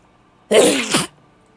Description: This is a compilation of over 100 clips. Think there are closer to 200 sneezes but I’m not totally sure because I didn’t count them all.